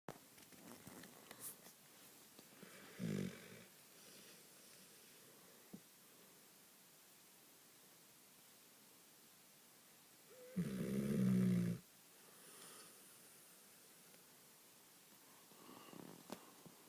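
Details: Female dog asleep on her owner's lap, snoring heavily: two low, rumbling snores, one short and one longer, separated by long quiet stretches; snoring during sleep.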